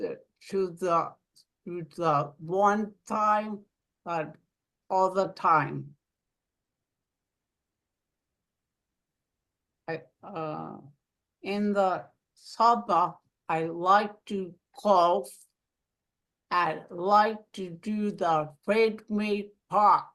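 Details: Aphasia following a stroke in an adult woman living in Rhode Island; aphasia.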